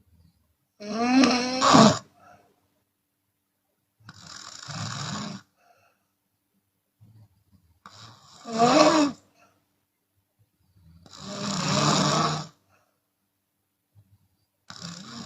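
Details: Chinese woman snoring with open mouth, sometimes on exhalation: loud, harsh snores about every three to four seconds, some with rasping exhaled breaths; snoring.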